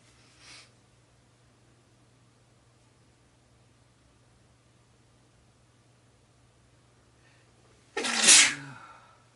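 Long quiet stretch, then a single sharp, explosive sneeze.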